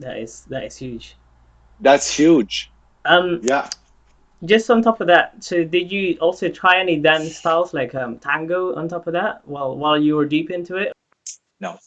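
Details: Adult speakers in conversation; typical speech.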